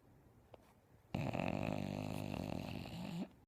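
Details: Bulldog sleeping on its owner, snoring very loudly: a long buzzing, fluttering snore after a faint breath, heavy snoring in a flat-faced dog.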